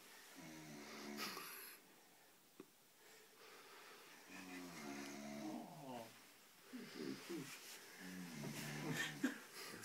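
Repeated rough, buzzing breaths in a quiet room with some faint noise in between: snoring.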